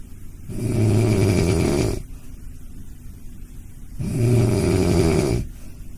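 Deep, loud, rumbling snores on each breath in, two long snores with quieter breathing out between them, from a sleeping dog.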